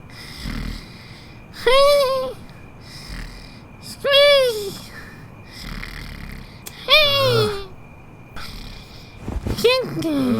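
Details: Acted cartoon snoring by an animated pink teddy bear character: loud, squeaky, tonal snores every two to three seconds with quiet breaths between; imitation, not a real sleeper.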